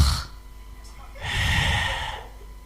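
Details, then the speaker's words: Imitation of inspiratory snoring: an adult mimics a snore, a rough, noisy sound made while breathing in, with a brief burst beforehand. "Ah memang kalung ngorok itu kan ada tiga macam yakni dia ada orang yang tariknya"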